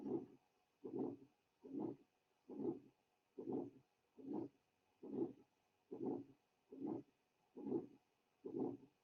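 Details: Aortic stenosis murmur.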